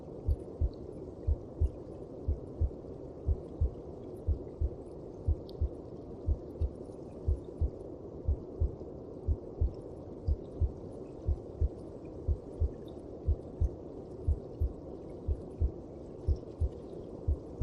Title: ♥ Звуки сердечка в мамином животике/Heart Sound in Mother Stomach